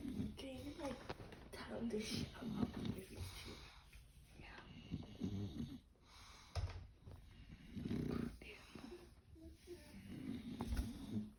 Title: When your dog snores too loudly at night